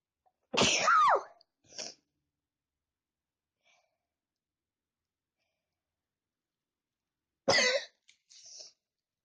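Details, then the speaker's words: Sneezing challenge: two sharp, explosive sneezes, each with a brief breathy tail, separated by silence in a quiet room. "Guys, I'm gonna sneeze as quiet as I can. And then as loud as I can."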